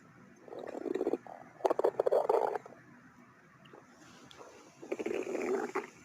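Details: Stomach growling: low gurgling, rumbling bursts with bubbling pops from gas and fluid moving through the gut, a normal sound.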